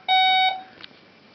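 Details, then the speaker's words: Single loud pulse oximeter alarm tone, then quiet room noise; from a 3-month-old premature twin girl two days past her official due date (40 weeks); both twins have hiccups. "you're beeping you're okay judia needs to be heard hey sweetie"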